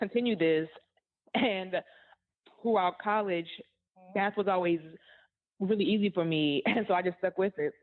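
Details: Adult woman who stutters, interviewed on a stuttering podcast; stuttering.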